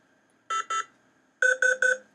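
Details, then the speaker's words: Two short beeps, then three louder beeps in quick succession: bedside patient monitor alarm tones in a hospital, coded as crisis, warning or advisory alerts. "to most people it sounds like Medical musac but to doctors and nurses those constant beeps are coded messages that's a crisis that's a warning that's an advisory that's a crisis"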